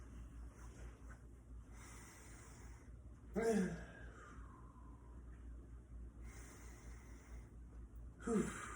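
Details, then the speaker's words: 65-year-old woman presenting with chest pain, heart rate 102 and blood pressure 140/90, during lung auscultation: soft breathing with two slow deep breaths, each ending in a brief louder rush of air; lung and heart sounds judged normal, no rubs or wheezing. "So now I'm just going to listen to some lung and heart sounds. Go ahead, baby. So when I'm doing this, I want you to take some deep breaths."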